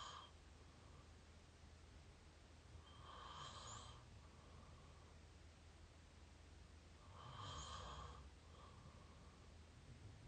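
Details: Close-up recording of open-mouth snoring: two slow, rough snoring breaths about four seconds apart over a steady low background hum.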